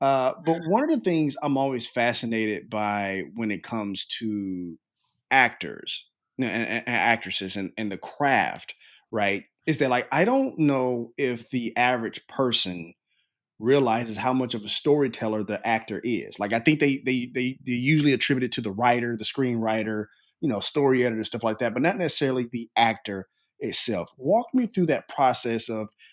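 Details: Adult male speaker; typical speech.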